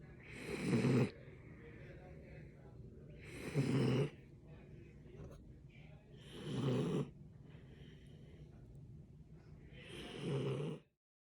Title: Balto Snoring!!!